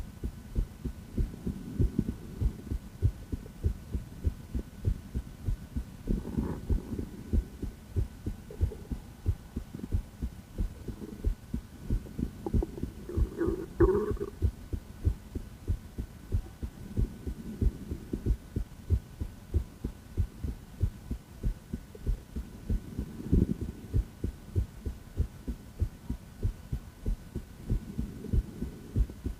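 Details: A female heart heard by stethoscope auscultation: steady, regular low heart thumps with a faint hum behind; normal heart sounds.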